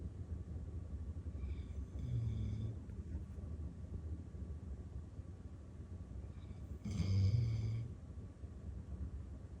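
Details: Female dog asleep in her favourite armchair with her head on a pillow after a tiring day at daycare, paws twitching; two low, rattling snores a few seconds apart over steady low room hum.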